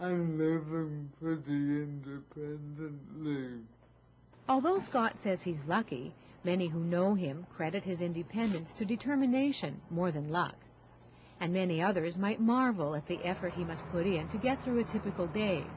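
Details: Adult man, then adult woman narrating; speech.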